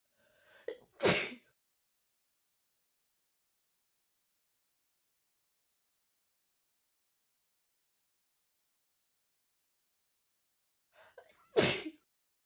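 Two forceful sneezes about ten seconds apart, each with a short in-breath before the explosive burst; ordinary sneezing.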